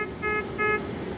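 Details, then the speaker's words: Repeating three-tone beep pattern from a Puritan Bennett 980 ventilator in a simulated alarm demonstration, escalated from a continuing two-tone low-priority alarm; medium-priority ventilator alarm. "and the first to tone sound is the lower priority alarm sound if that alarm continues it will escalate to a three tone sound"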